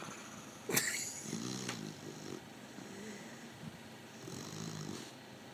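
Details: Snoring during sleep, described as recurring: soft rumbling breaths with a low fluttering noise on each breath and a sharp snort near the start.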